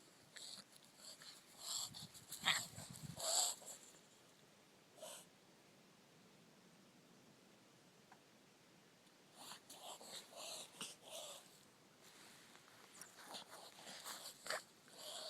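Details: Female dog reverse sneezing after rhinoscopy, progressing from sneezing to reverse sneezing: bursts of rapid, noisy snorting breaths drawn in through the nose while the owner calls her.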